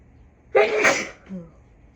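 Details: Deliberately induced sneeze from someone who rarely sneezes naturally: a single loud, explosive sneeze followed by a brief voiced exhale; sneezing.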